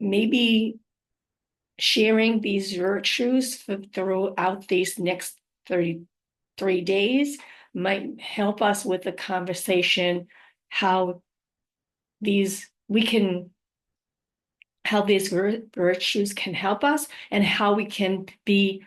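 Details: Adult living with aphasia, apraxia of speech and dysarthria, with word-finding difficulty; aphasia with apraxia of speech.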